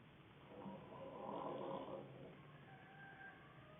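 A single low, rattling breath sound swelling and fading over a couple of seconds, typical of a snore on a quiet background.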